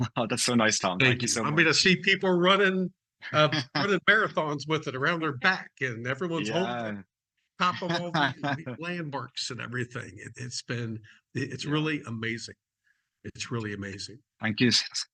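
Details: Adult speaker; conversational speech.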